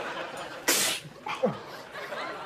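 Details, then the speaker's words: Television sitcom scene (Frasier): a character with a suspected parchment mite allergy gives a single sharp sneeze then a short sniff or exhale, amid room noise; sneezing. "The only thing that makes you sneeze and scratch your ear is your parchment mite allergy. So that was you sneezing from behind the stacks all night."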